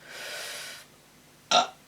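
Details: Burping during outtakes of a vacuum cleaner demo recording: a long, drawn-out rumbling burp, then a short abrupt one after a pause, in a quiet room.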